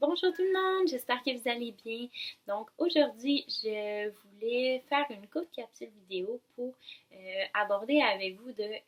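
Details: Adult woman speaking French; typical speech.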